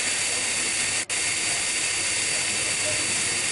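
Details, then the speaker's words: High-speed dental handpiece with a fissure bur cutting a class I cavity outline for amalgam in a lower first molar, held perpendicular at a uniform 1.5–2 mm depth: a steady high-pitched whine and hiss that briefly cuts out once. "notice that the Fisher B should be placed on the floor of the the depth of the hole to make a uniform depth of 0.1.5 sorry 1.5 to 2 mm for for all the cavity"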